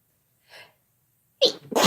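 Faint intake breath, then a sharp explosive sneeze with a quick second burst. An ordinary sneeze.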